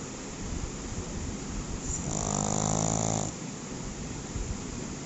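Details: Pug dog: one loud, rough, rattling snore over steady background noise; snoring in a flat-faced dog.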